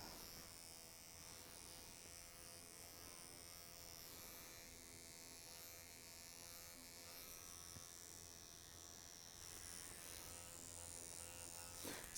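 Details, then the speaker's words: Soft, steady high buzz: microneedling pen gliding over stretched facial skin in a dry pass, no glide, during scar treatment; micro-pricking described as painless, like gentle scratching. "Micro prickling is not painful. It's more like a gentle scratching of the skin. And this is dry needling. I'm not using any glide."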